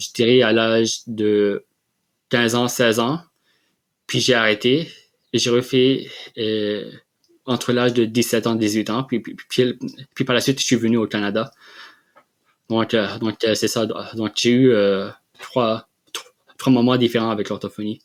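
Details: Adult man who has stuttered since childhood and has received speech therapy; stuttering.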